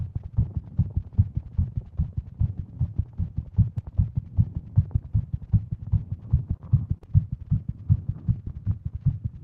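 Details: Female heartbeat pounding fast while sitting at desk on phone, Apple Watch reading over 150 beats a minute, pounding all day; tachycardia attributed to Wolff-Parkinson-White syndrome.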